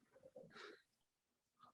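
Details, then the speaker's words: A pet dog snoring in the background during an online presentation Q&A. "yes you can hear that that's my dog's snoring very very cute very soothing"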